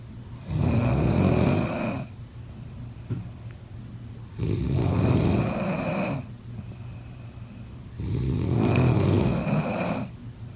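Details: Snoring: loud, deep rattling snores on each breath in, about every four seconds (roughly 15 breaths a minute), quiet breathing out between.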